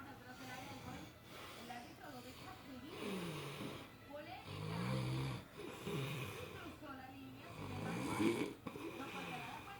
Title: My husband Snores so loud and breaths so badly.